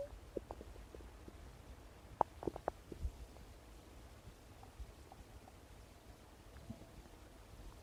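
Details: Scattered soft gurgles and a few sharper squelching pops over a quiet background; stomach rumbling, borborygmi.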